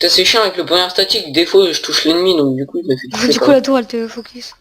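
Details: Adult speaker; normal voice.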